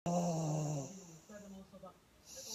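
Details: Pug (flat-faced dog) snoring: a loud, groaning, low-pitched snore fading into softer rumbling breaths.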